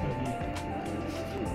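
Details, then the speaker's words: Transcranial Doppler on a subject with a head frame, probe angled past the MCA/ACA bifurcation: low-pitched pulsing whoosh over steady machine tones, anterior cerebral artery signal flowing away from the probe. "so come back up and you'll get your aca come in and see that hear how low it sounds"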